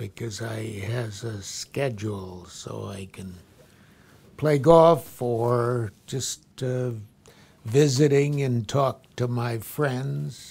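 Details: Man with stroke about ten years earlier, grasping the gist but not the exact question; Wernicke's aphasia.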